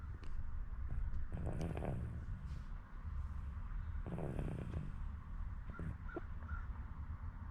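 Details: Snoring in a sleeping baby, dead tired from playing: soft, rough snoring sounds with each breath over a steady low background rumble.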